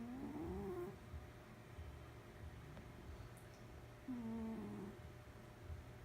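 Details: Cat snoring while asleep; snoring.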